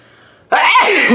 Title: SNEEZING WITH EYES OPEN CHALLENGE!